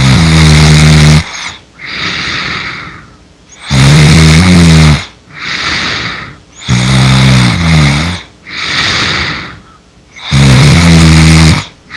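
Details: Simulated snoring, a cartoonish Mabinogi video game sound effect: loud, deep, rumbling snores alternating with breathy exhales, about four cycles in twelve seconds.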